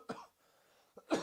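Two harsh, dry cough bursts from an adult, separated by a brief quiet pause.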